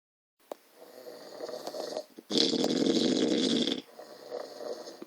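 Soft fluttering breaths, then one loud, harsh snore lasting about a second and a half; snoring.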